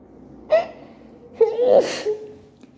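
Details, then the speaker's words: Adult at work with an allergic reaction, apparently to a co-worker's bathroom, amid night allergies: a short catch of breath, then a voiced, gasping sneeze trailing off, in a fit of repeated allergic sneezing. "I'm at work and I just got allergic to co-workers bathroom and I really need"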